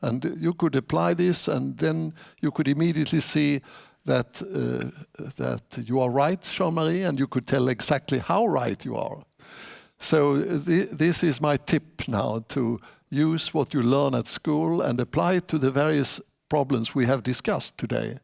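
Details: Adult man; typical speech.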